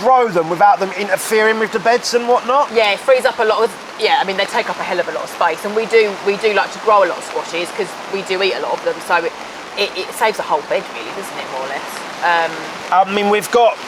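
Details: Adult speaker; typical speech.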